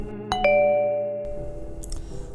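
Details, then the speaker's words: Two-tone ding-dong chime of a hospital room call bell rung by a patient, then faint room noise, in a narrated horror story. "bel ruangan bergegas aku menghampiri pasien yang membunyikan bel tersebut"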